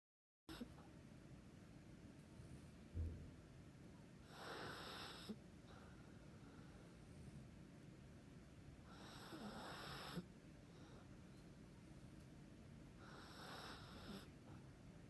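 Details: Snuggling while asleep: soft, regular breaths about every four to five seconds, roughly 14 a minute, with a faint snoring rasp in a quiet room; snoring.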